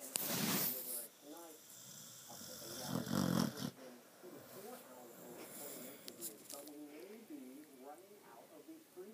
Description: Loud snoring woke me up, and this is what I saw.....